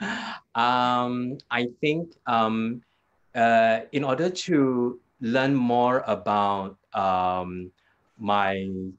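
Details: Post-stroke aphasia in an adult man two years after a hemorrhagic stroke; initially severe, unable to talk at all in the first week. He still has trouble completing sentences and gets stuck on basic words.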